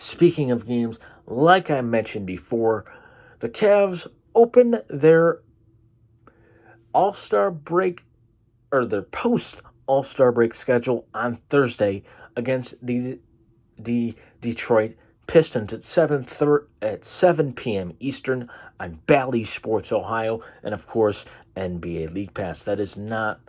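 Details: Man with cerebral palsy causing an occasional stutter; stuttering (disfluent speech) with cerebral palsy.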